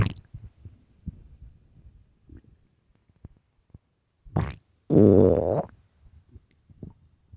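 Soft gurgles and low rumbles, then a loud drawn-out growl lasting under a second; normal stomach growling from hunger.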